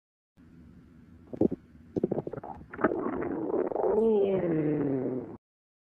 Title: Aardvark's Stomach Growling